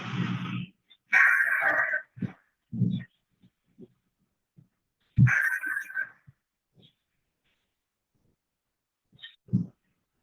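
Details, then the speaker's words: Nocturnal stridor during sleep in multiple system atrophy (MSA): harsh, strained, high-pitched noisy breaths recur, with low grunting sounds between them, from difficulty of the vocal cords relaxing. "So stridor is difficulty in the vocal cords relaxing, and when people breathe out, it causes this very harsh sound, and it's a very dramatic sound."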